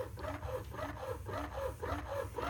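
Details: Steady rhythmic mechanical whooshing and rubbing of a Medela Pump In Style electric breast pump cycling suction after the vacuum dial is turned up, moving the nipple in the breast shield.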